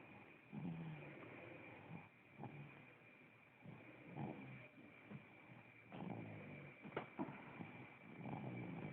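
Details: Phone recording: repeated rumbling snores with the breaths, roughly every one to two seconds, with a steady electrical hum behind; snoring.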